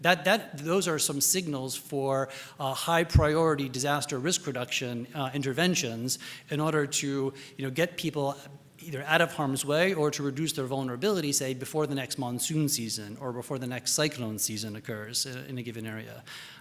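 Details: Adult male speaker; Normal voice.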